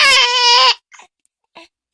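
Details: 9-week-old baby girl with hiccups: a short, high, tonal infant cry, followed by two faint, brief catching sounds; infant crying during hiccups.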